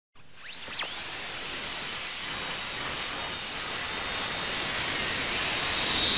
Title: Sound Effects DENTIST DRILLING